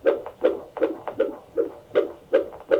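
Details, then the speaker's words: Doppler recording of a normal fetal heartbeat at a midwife prenatal visit: a rapid, regular whooshing rhythm around 150–160 bpm while the baby is awake. This is the high end of normal and fits being awake. "awake it sounds like she's in the 150s that's on the high end of normal yeah part right for being awake"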